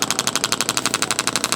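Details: Rapid steady tapping pulses, about twelve a second, from a radial shockwave handpiece (red tip, radial mode, intensity raised) on an adult man's deltoid for shoulder pain, discomfort rated about 3 to 6 of 10; radial shockwave therapy device.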